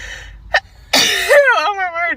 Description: Tik Tok Girls taking Covid 19 재채기 swab test and unexpectedly start to sneeze uncontrollably.